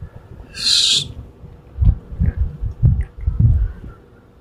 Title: Sneezing cat